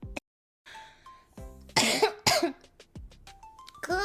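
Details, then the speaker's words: Two short, harsh coughs close together from a girl with a bad cold trying to hold back coughing, with faint music and brief voices around them. "전진력 도자시점 제가 지금 약간 감기가 너무 심해서 약간 헛기찜 지금 약간"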